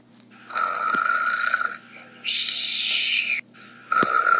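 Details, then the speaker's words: Simulated snoring in a cartoon sleepover scene: acted, loud, buzzy, drawn-out breaths in and out, with faint room sounds between, before another character asks the snorer to stop. "wake up cake huh what is it can you try not to snore mostly ping well sorry next time I'll try to remember that"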